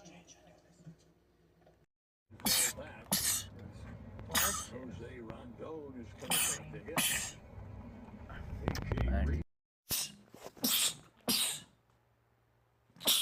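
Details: Male rapid sneezing attack: several sharp, explosive sneezes in quick runs with brief breaths and voices between them, followed by repeated "bless you"; rapid sneezing.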